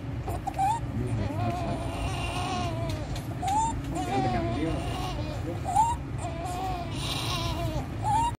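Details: Inspiratory stridor in a 15-day-old full-term baby, increasing with crying and feeding, with severe chest indrawing, suprasternal and intercostal retractions and desaturation; differentials include congenital laryngomalacia, laryngeal nerve palsy, vascular ring.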